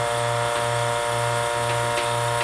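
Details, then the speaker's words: Dental vacuum mixer running after premixing dental stone and water for alginate impression casts; it mixes and removes bubbles. Steady, loud motor hum with a faint rhythmic wobble. "we will then take it to the vacuum mixer here and we'll let that go for 30"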